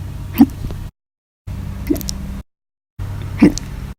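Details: Hiccups: three short, abrupt gulping catches, each within a brief burst of room noise, separated by silent gaps.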